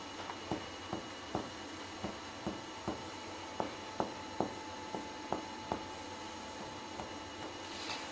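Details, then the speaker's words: Repeated hollow finger-on-finger comparative percussion taps over both sides of the chest, alternating right and left as the patient turns and raises the arms, giving a clear resonant lung note, the normal finding. "легенями ясний легеневий звук"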